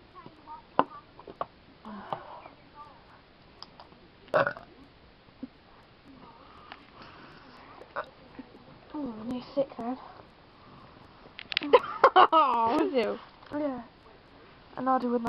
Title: Burping! sad excuse of burping